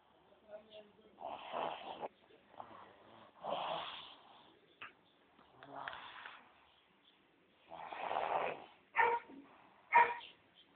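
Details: Unusual irregular snoring, about one noisy rasping breath every few seconds separated by quiet pauses.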